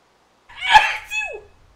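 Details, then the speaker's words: A single sharp adult sneeze, apparently a man's, with a brief voiced high-pitched squeak trailing off, during a recorded game session; sneeze. "is that your real sneeze yo you won't make fun of my sneeze eh"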